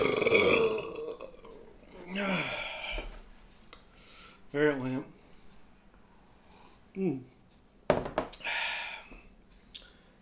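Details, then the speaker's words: Several loud, low, rumbling burps spaced between quieter breathing and mouth sounds, from an adult man right after eating an extra-large leftover turkey sandwich; he says he has an air bubble that won't come out; ordinary belching. "oh i got an air bubble that won't come out"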